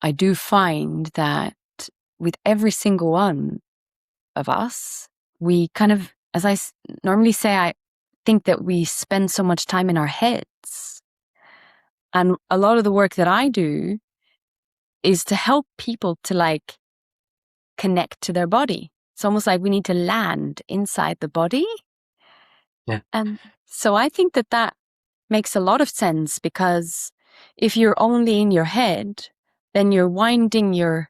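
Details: Adult speakers in conversation; typical speech.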